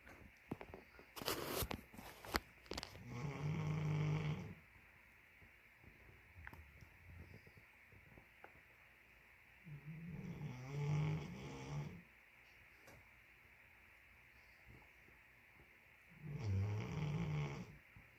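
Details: Slow, deep, rumbling snores about two seconds long, roughly six seconds apart, in a quiet room from a sleeping Great Pyrenees dog: snoring.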